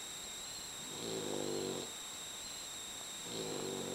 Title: Wilberforce the Bulldog Snores Very Loudly